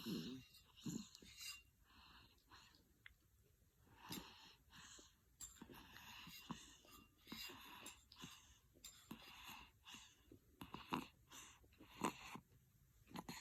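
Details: Baby ("baby GD") fell asleep on a lap during a morning feed, snoring with eyes open: irregular, noisy, raspy breaths, about fifty a minute, a light snore.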